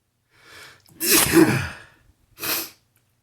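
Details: Person sneezy all morning, unsure whether from spring allergies or a cold: a brief inward breath, then a loud explosive sneeze and a softer second burst.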